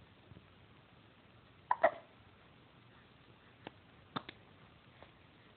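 Several short, abrupt gulping sounds at irregular intervals, a loud pair followed by softer ones, fitting hiccups.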